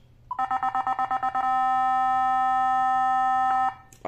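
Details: Nihon Kohden TEC-5631 defibrillator tested on an analyzer with paddles: rapid beeping while charging, steady ready tone, cut off at shock delivery; defibrillator charging and ready tone.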